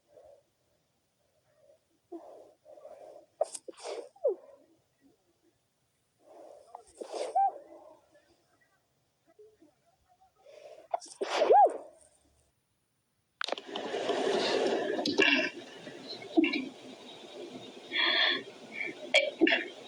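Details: Person trying to hold back sneezes: several short, muffled, stifled sneezes, then a louder sneeze too strong to suppress, followed by sniffing and noise.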